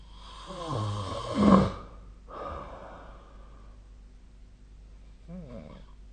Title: 🐽 本日のイビキ / Snoring Sleep Sound 2025/04/07